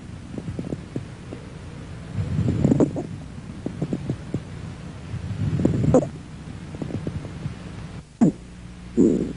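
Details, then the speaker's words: Stethoscope chest auscultation: brief, high-pitched squeaks late in inspiration, a squawk, described as characteristic and diagnostically valuable in allergic alveolitis. "el gran nido que es fácil de reconocer y característico de estas situaciones es decir que tiene gran valor diagnóstico y repito es fácil de identificar por que remeda perfectamente un gran nido"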